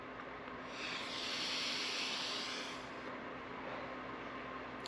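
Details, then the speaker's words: Person inhaling and exhaling through the mouthpiece of a portable resistive respiratory (lung) trainer: a steady airy hiss of breath forced through a narrow resistance, rising and fading over a couple of seconds. "So to show you guys how it looks like me using it. That's basically it. You're just going to inhale, exhale, and that's it."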